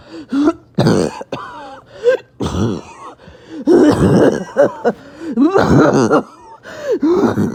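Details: Awful barking, wheezing cough after a bad 48 hours: about five harsh, hoarse coughing bursts with strained voiced groans and tight whistling breaths between them.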